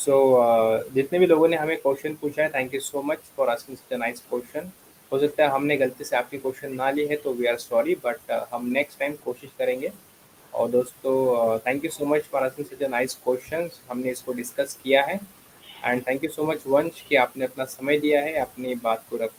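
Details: Adult male speaker; fluent speech.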